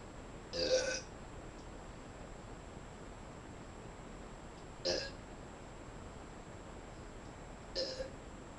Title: Quick burps